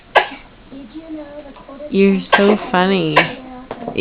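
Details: Baby sitting in an exersaucer fake coughing: several short, deliberate little coughs mixed with playful voiced sounds; a voluntary, imitated cough in play.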